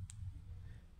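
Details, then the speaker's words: Symbicort Turbuhaler, a prescribed asthma controller that is new with 60 doses: a single sharp click over room hum as the base is twisted right then left, loading a dose before inhaling. "dito pak kanan at pakaliwa hanggang ikaw ay maroong marinig Na click"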